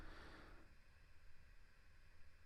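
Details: Endoscopic ear microsuction of sticky ear wax being unstuck from the canal walls: low rumbling suction with a brief higher hiss at the start as wax is drawn along the ear canal.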